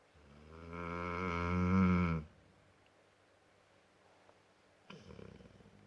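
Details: Dog snoring: one long, loud, buzzing snore on a drawn-in breath, then quiet and the softer, rattling start of the next snore.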